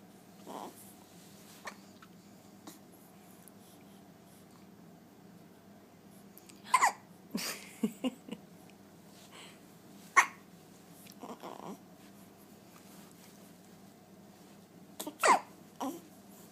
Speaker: You have the hiccups. Poor kid. Poor baby.